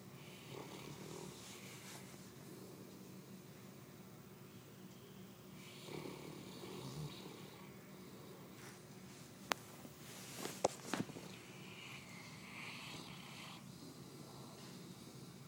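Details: 190-pound St Bernard dog asleep, snoring very loudly: low rumbling snores recurring over quiet room noise, with a few sharp clicks partway through.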